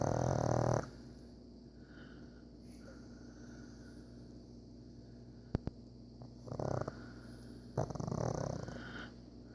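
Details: Pug snoring: rough, snorting breaths with quieter noisy breathing between them, plus a couple of sharp clicks.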